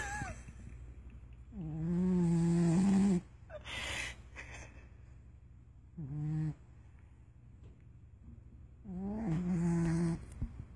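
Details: Loki snoring: three long, low, rumbling vibrating sounds on breathing in, separated by quiet exhalations, about one breath every four seconds.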